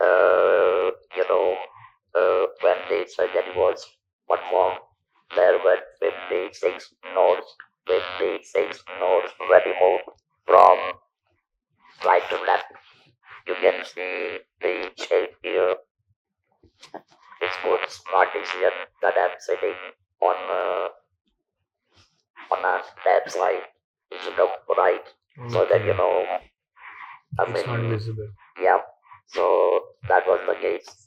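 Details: Male survivor of stage 4 vocal cord (throat) cancer, operated in 1997 (about 10,000 days earlier), natural voice lost, speaking with an external electrolarynx device; electrolarynx speech.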